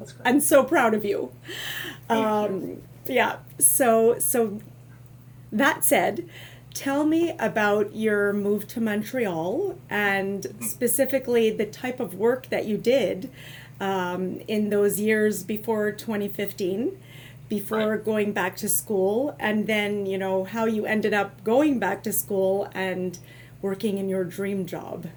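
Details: Adult woman; normal speech.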